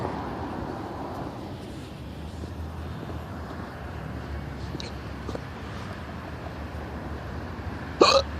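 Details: Steady outdoor traffic and road noise in West Philadelphia, ending in one abrupt, sharp hiccup sound near the close: a hiccup.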